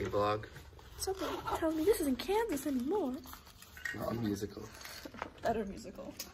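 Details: Adult speaker; normal speech.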